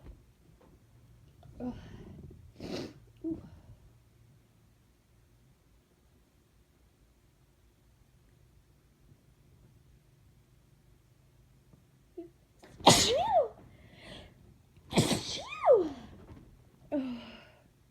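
Soft build-up breaths, then two loud explosive sneezes with a rising-falling vocal cry, followed by a brief sigh; ordinary sneezing.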